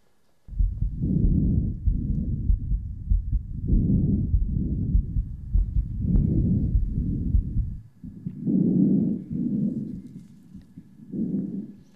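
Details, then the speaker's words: Soft, low rustling breaths heard through a stethoscope, even and without whistles or crackles, played as a reference: normal breath sounds. "bu normal ses. Bunu zaten halkımız duyamaz. Çünkü bunun için steteskop gerekiyor."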